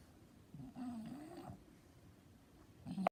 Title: Cutest French snores🐶🐶🐶